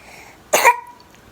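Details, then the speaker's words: Baby with her first cold, kept home because she is not feeling well; a single short, sharp cough in a quiet room: infant cough during a cold. "She's taking her first cold like a champ, I think."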